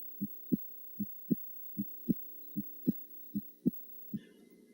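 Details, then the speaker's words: Normal heart sounds heard with a warmed stethoscope at the aortic area during a complete physical examination of an adult man: steady, clear lub-dub at about 77 beats a minute, normal first and second sounds, faint background hum. "and the auscultation of the heart proceeds by evaluating the four cardiac areas just demonstrated warm the stethoscope listen first in the aortic area"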